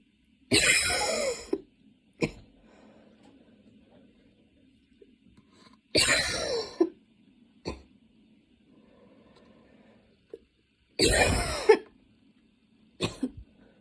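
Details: Coughing fit that came on suddenly on a Saturday afternoon while studying and worsened until studying had to stop, with frequent position changes: three harsh, forceful cough bursts a few seconds apart, with short trailing coughs.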